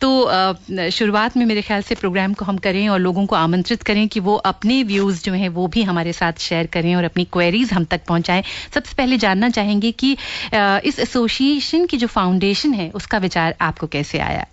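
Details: Adult woman; typical speech.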